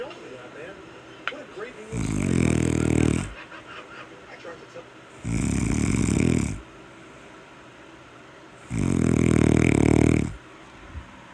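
Three loud, coarse rumbling snores on breathing in, roughly one every three to four seconds, with quieter breathing between; heavy snoring.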